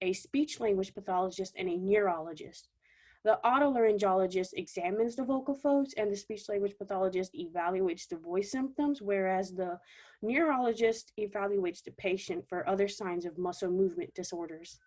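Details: Adult woman speaking; normal voice.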